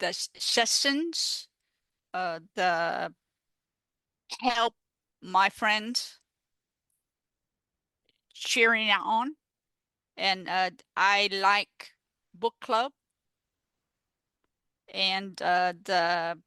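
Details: Adult woman with aphasia after stroke, a peer-support advocate; finding: aphasia.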